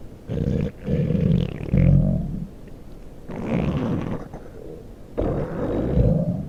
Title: my stomach growling